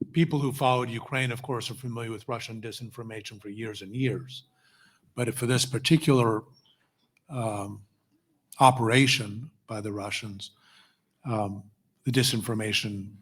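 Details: Adult male speaker; normal voice.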